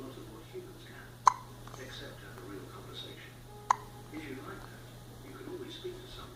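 Two sharp, abrupt hiccup sounds a few seconds apart over quiet room noise and faint murmuring; ordinary hiccups.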